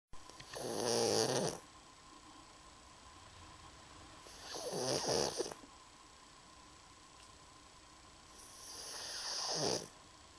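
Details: Sleeping pug snoring: three long, loud, rasping, fluttering snores about every four seconds, roughly 15 a minute.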